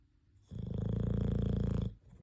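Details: Single low, rumbling, fluttering snore over a second long, close to a purr, from a sleeping cat, recorded October 2023.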